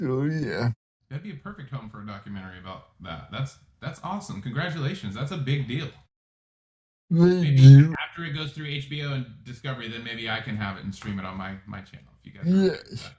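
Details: Adult male speaker; typical speech.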